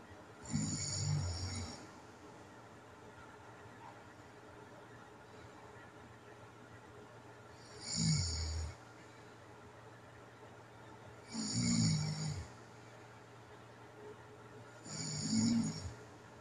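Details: Low rumbling snores every 3 to 4 seconds, about 16 a minute, with quiet pauses, from a person with sleep apnea recorded during sleep; snoring.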